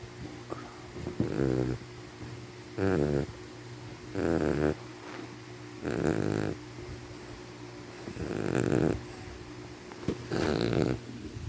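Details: Sleeping puppy snoring: loud, rhythmic rattling snores, six in about eleven seconds, over a steady background hum.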